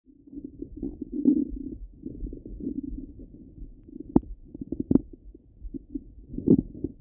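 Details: Stomach rumbling recorded at the abdomen: low gurgling and bubbling rumbles with a few brief sharp pops, ordinary active bowel sounds.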